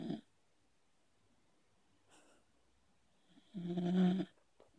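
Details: Sleeping Beagle hugging owner: a short nasal snore, then a longer humming, snorting snore with silence between; normal dog sleep snoring.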